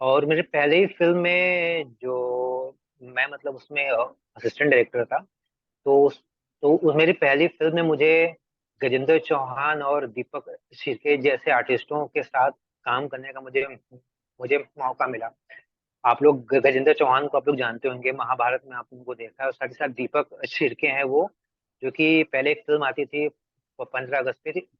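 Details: Adult Hindi-speaking man who has stammered since about 2007; stuttering.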